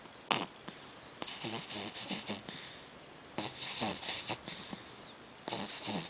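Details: Light snoring: short snuffling, whistling breaths in irregular bursts, more nasal snorting than deep rumble.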